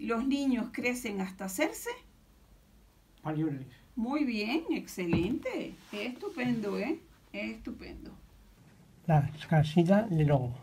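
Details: Adult woman, speech therapist; Normal adult speech (therapist).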